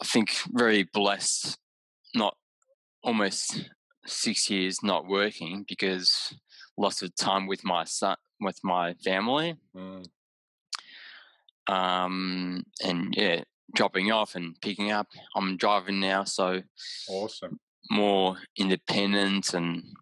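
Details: Mild aphasia with word-finding pauses in an adult man about six years after a haemorrhagic stroke caused by an AVM at age 34, with right-sided deficits and mixing up of similar objects.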